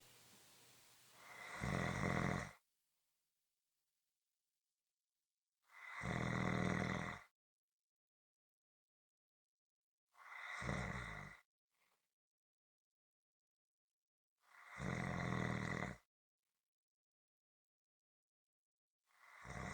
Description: This is a 7 minute clip consistant rhythmic snoring.